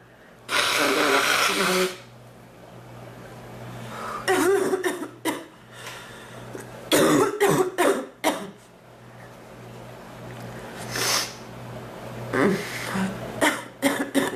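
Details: Repeated harsh coughing in clusters, a long cough at the start and quieter breaths between bouts; a painful cough hurting the back more than the chest that waxes and wanes.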